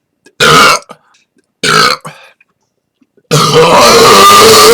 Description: This is my official Burp Compilation for November 2012.